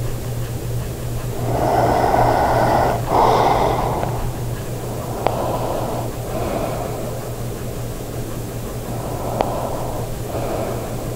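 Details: Adult man, a habitual snorer since at least age 35, sleeping while testing the Pure Sleep stop-snoring mouthpiece (take one): soft, breathy snores repeating over a steady low room hum, with light clicks between breaths.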